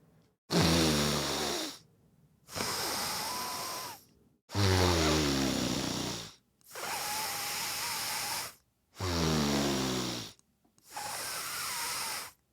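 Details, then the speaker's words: Adult with sleep apnea and ongoing yellow-green nasal discharge deliberately sniffing in and out through nose: slow loud snorting breaths, about 14 a minute, rattling fluttering inhalation; noisy obstructed nasal breathing, sleep specialist said it sounds bad. "Yeah, that's me just like trying to sniff in and out. It doesn't sound good."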